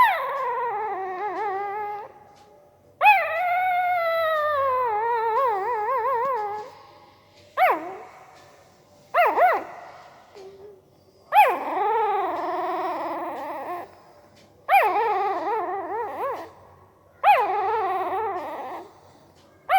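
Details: Newborn Pariah dog puppy asleep: seven high, wavering whimpers and squeaks with quiet gaps, vocalising in its sleep, likely dreaming.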